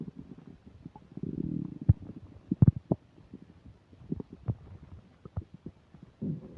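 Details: Stomach sounds while eating a burger and fish fries, described as upset digestion: low gurgling rumbles, bubbling pops and longer growling stretches; loud borborygmi.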